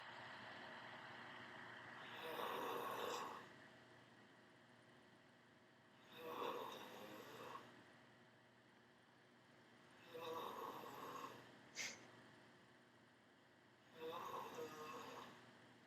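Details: A person snoring with a cat snuggled against them: four soft, rasping snores about four seconds apart, roughly 15 breaths a minute, over a steady low hum.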